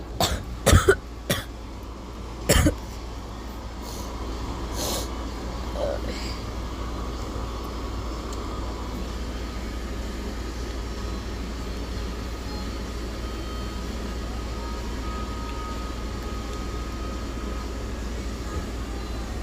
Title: Hiccups + Coughs (by choking) + sounds in the background